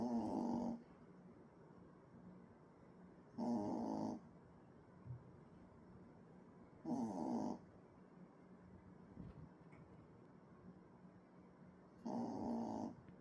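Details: Sleeping puppy snoring like an adult man: loud, rough snores at about 18 breaths a minute, each under a second long, in a quiet room.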